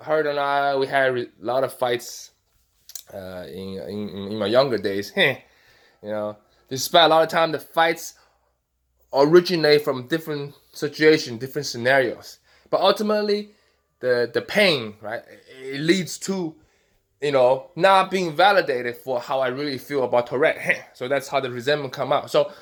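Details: Adult man with Tourette syndrome with facial and vocal tics; interjections such as 'hey' occur within his speech; vocal tics (Tourette syndrome).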